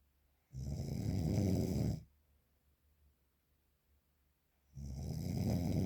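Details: Real, unprocessed recording of very strong snoring: two long, loud, rumbling snores on inhalation separated by a quiet pause of a few seconds.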